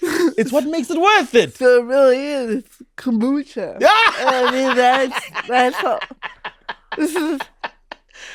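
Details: Real speech of an adult woman, a stand-up comedian who grew up with cerebral palsy; dysarthria (cerebral palsy).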